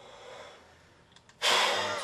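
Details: Peak flow measurement with a Spirometric peak flow meter: quiet breathing, then maximal deep breath and sudden hard, fast forceful exhalation into the meter; reading about 550 L/min, repeated three times; peak expiratory flow manoeuvre.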